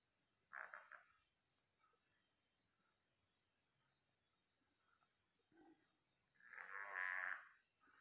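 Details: Dog sleeping soundly and snoring: two rough, rattling snore bursts about six seconds apart with a quiet room between.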